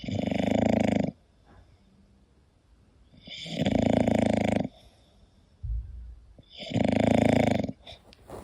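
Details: English bulldog sleeping and snoring: loud, rattling snores on each breath, about 21 a minute, with quiet pauses between.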